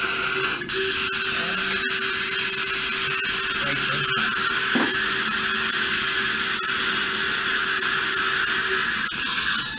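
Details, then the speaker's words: Implant drill during final drilling of the implant site along the palatal wall of an extraction socket, angulation adjustable with side cut drill, in GBR implant surgery: steady high-pitched drill whine with a faint low hum beneath. "During drilling, if you don't like your spot drilling angulation, you can, so at that time you can change the angulation by using side cut drill. And final drilling was done."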